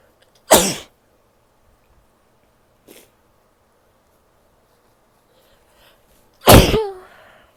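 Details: Female sneezing: two loud, sharp sneezes several seconds apart with a small snuffle between them, in a quiet room.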